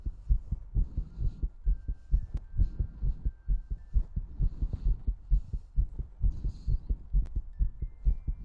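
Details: Steady low paired heartbeat-like thumps, about 130 a minute, with faint clicks and hum in the background; a rapid ASMR heartbeat sound.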